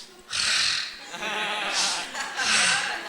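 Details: Humorous imitation of how a civil servant of grade 3 (income and spending balanced) supposedly snores in sleep: three loud, rough snorting breaths in quick succession; imitated snoring, not real.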